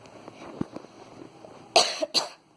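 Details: Two quick harsh coughs after quiet background sounds, from a person who says they were very sick and throwing up the day before; cough.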